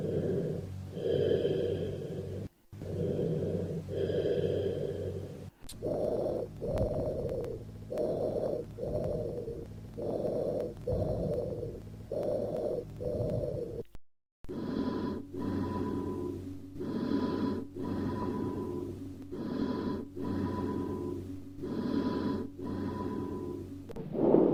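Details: Cavernous bronchial breath sounds over the left infraclavicular region, midclavicular line, over a lung cavity with flattened chest wall and positive trail sign: hollow, low-pitched breathing, pause between inspiration and a longer, louder expiration; tubular breath sounds absent.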